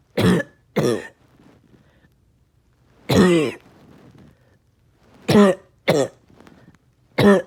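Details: Cough lasting all day with tiredness and chest pain: six loud, harsh coughs in short clusters with quiet gaps between them.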